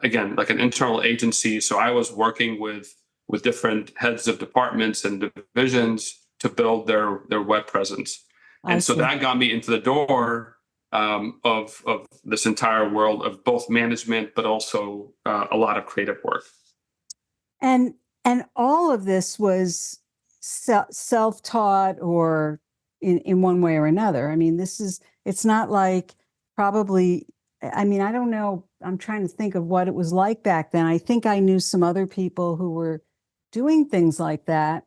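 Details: Adult man with mild residual stuttering that began in childhood and largely improved over time, helped by working as a college radio news reporter; he and the host say it can still be heard a little.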